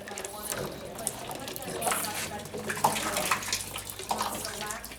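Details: Water spraying and splashing with faint voices in the background as a horse's mouth is rinsed during a veterinary equine dental exam; the horse was made more compliant with torb.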